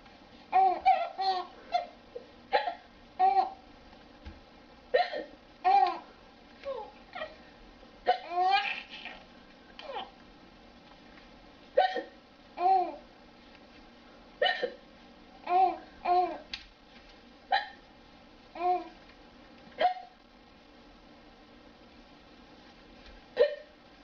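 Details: Repeated sudden, short, voiced hiccups from a mother, every second or two, possibly mixed with a child's giggles.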